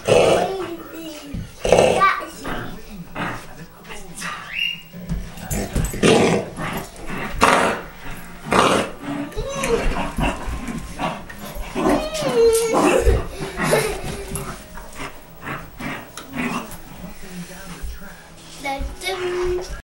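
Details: Dog named Baxter, possible kennel cough: repeated harsh hacking bursts with growly, honking edges.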